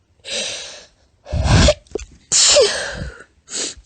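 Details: Four quick, partly stifled, tiny, high-pitched, squeaky sneezes with short in-breaths between, from a female; ordinary sneezing.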